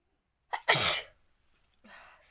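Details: Woman deliberately trying to make herself sneeze for a requested sneezing challenge: a short inward gasp, then one loud explosive sneeze and a soft breath.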